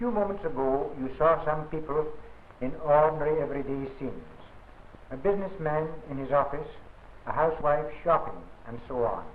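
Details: Adult male narrator; typical speech.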